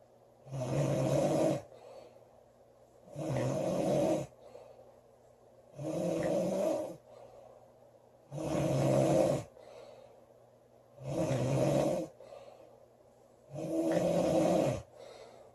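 Steady, low rumbling snores, six in about sixteen seconds, roughly 23 breaths a minute, with quiet pauses between. Loud regular snoring.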